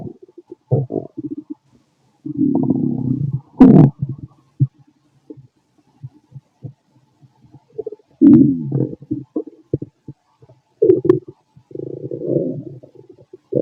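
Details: Adult fit male's abdomen recorded with a stethoscope after lunch and a carton of milk: irregular gurgles, squelches and low rumbling growls; active bowel sounds.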